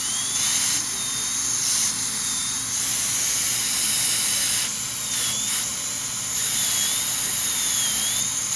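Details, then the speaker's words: High-speed dental handpiece preparing porcelain veneers on teeth #7 and #8 with lingual chamfer margins. Piercing high whine with water-spray hiss and brief pitch dips as it cuts through the interproximal enamel between the front teeth. "So at this point, we either go to a hand instrument or, let's see, go ahead and hit that again real good."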